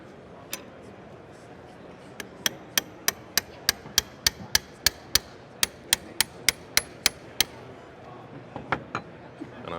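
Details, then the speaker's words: About twenty sharp, rapid metallic mallet taps driving a cannulated 4.5 mm lateral anchor of a SINEFIX PEEK rotator cuff implant perpendicular into bone in a demonstration; hammering of bone anchor. "Now, I go with my lateral anchor 4.5 mm. Again, it's cannulated and I'll go as perpendicular as possible as well towards the bone."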